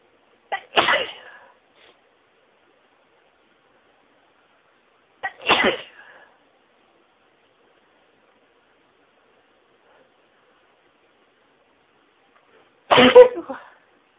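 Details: Sneezing fit that started slowly, with deliberately stifled sneezes intensifying nasal tickling: three sneezes several seconds apart, each a short inward catch then a muffled, partly stifled burst.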